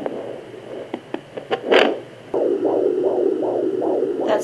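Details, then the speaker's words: Home fetal Doppler at 18 weeks of pregnancy, with scattered probe noise. Fast, regular whooshing fetal heartbeat at about 140/min, distinct from the mother's heartbeat or possibly placental sounds. Fetal heartbeat on Doppler. "I'm 18 weeks and that's why I'm hearing it that's not the baby's heartbeat that's mom's heartbeat or my heartbeat right here so do you hear the difference my heartbeat may be placenta not really sure"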